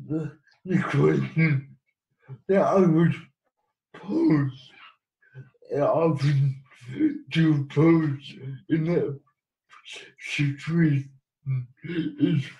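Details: Adult man living with cerebral palsy who has used a wheelchair most of his life; speech in cerebral palsy.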